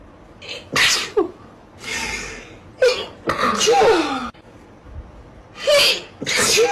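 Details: Compilation of slow-motion sneezes: several drawn-out inhaled build-ups and bursts, slowed down with stretched, deepened voices.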